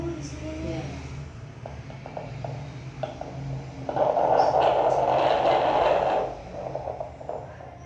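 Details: Fetal heartbeat heard with a fetal Doppler at a midwife's check-up 23 days before delivery: rapid rhythmic whooshing pulses over a low hum; normal fetal heartbeat.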